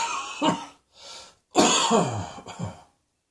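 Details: Two rough coughs, a brief breath in, then a harder, longer cough with a throaty rattle and a smaller follow-up cough.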